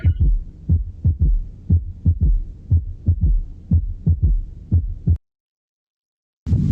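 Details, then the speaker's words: Third heart sound (S3) heard after the second heart sound, marking the rapid ventricular filling phase, physiological in some cases and pathological in others: regular low heart thumps in a three-beat gallop rhythm with an extra soft sound after S2. "ya el tercer ruido cardíaco se escucha después del segundo ruido cardíaco y nos indica fase de llenado rápido o sea la primera fase les llena en unos casos y fisiológico y en otros casos seres patológico"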